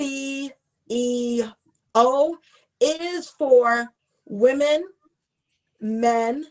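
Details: Adult woman, self-identified stutterer, with stuttering; word repetition heard ("and and").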